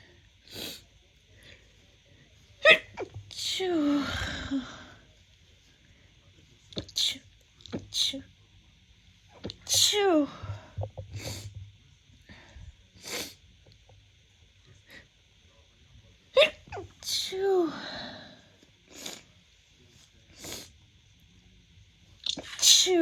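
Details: Adult woman's first spring 2024 sneezes, attributed to pollen: several forceful sneezes in a series, each a sharp explosive burst; sneezing.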